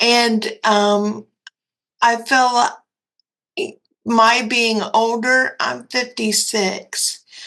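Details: Dysarthria in a 56-year-old woman with cerebral palsy and quadriplegia.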